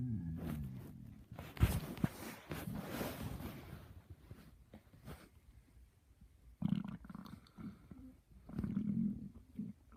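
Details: Person's own stomach growling at 6:45: low gurgling rumbles that come and go in bursts from gas and fluid moving through the gut.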